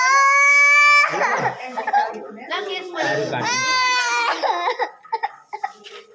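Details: A young child cries loudly in distressed, wailing bursts during and after a blood draw, with adults comforting the child and a bandage applied.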